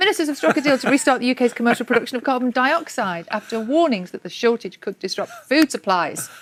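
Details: Adult woman reading news; Normal fluent speech.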